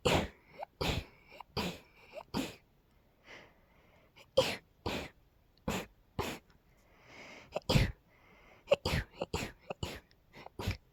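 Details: Female sneezing fit she attributes to pollen: a rapid run of about fifteen short, sharp sneezes in quick clusters, with brief pauses and breaths between them.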